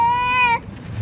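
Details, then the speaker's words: A very young baby girl vocalizing in a moving car: a brief, high, steady-pitched squeal, then it stops over low car-cabin rumble. "Vous allez entendre beaucoup de bruit parce qu'on a un tout petit bébé avec nous dans la voiture. Donc, elle aussi, elle veut causer en fait."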